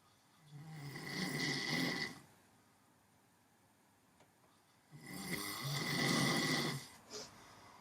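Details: Snoring during a morning nap: two slow, airy snoring breaths with a soft nasal buzz, several seconds apart in a quiet room.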